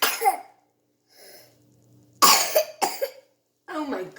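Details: A sick baby boy with a little cough, which stopped after honey and garlic and then restarted: several short, small infant coughs with quiet breaths between bursts; a cough.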